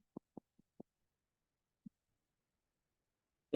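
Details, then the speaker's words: Finger percussion on the chest with the third finger over the lungs: four quick soft taps, then one more, each a low hollow thud, ending with a sharp click; normal resonant lung percussion note. "es un claro pulmonar o sonoridad ese es el ruido normal que va a tener mi pulmón al yo percutir lo"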